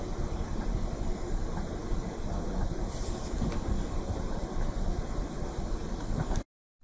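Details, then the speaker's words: Recording of the ICS AirCal air caloric irrigator with airflow off, microphone in the same spot as for the NCA 200, described as much quieter: steady low hum of the housed pump; irrigator noise, airflow off. "This is the sound of the air cow with airflow off."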